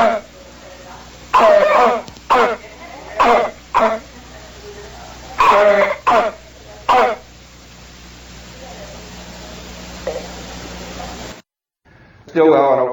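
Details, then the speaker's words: Loud, dry, harsh barking coughs repeating in clusters of two or three, typical of habit cough syndrome (somatic cough syndrome). "So this is the habit cough syndrome. The clinical characteristics are this loud, repetitive, dry barking cough. Goes on for weeks"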